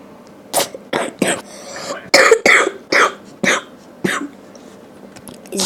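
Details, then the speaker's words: About nine short, sharp coughs in quick bursts in a quiet room from a person who says they are ill; cough. "Извиняйте за кашель, потому что я болею."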